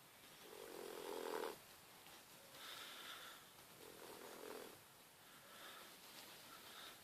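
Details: Soft, rhythmic snoring from a sleeping 14-week-old female Boxer puppy, about four breaths in seven seconds, with a faint rattle on each breath in.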